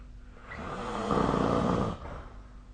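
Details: Snoring: one loud, low, rattling snore on a breath in, rising and then fading.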